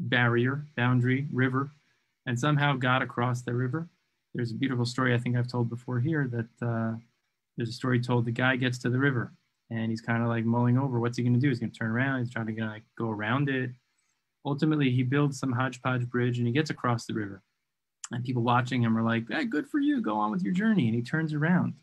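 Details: Adult man speaking; ordinary fluent speech.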